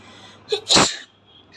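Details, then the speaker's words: Single loud, hissing sneeze after one brief indrawn breath, then quiet, recorded during a nose-blowing sneezing challenge; the sneezer reports a very itchy nose. "তো চলো এবার আমি স্টার্ট করছি, তো দেখতে থাকো আজকে কতগুলো হাঁচিও হয়, তো সেটাই তোমরা দেখতে থাকো।"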